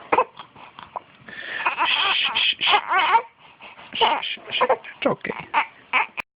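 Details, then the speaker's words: Baby boy with hiccups becoming uncomfortable: fussy crying in short bursts and whimpers in a small room, an ordinary infant cry. "Uh-oh. No crying. He's getting uncomfortable."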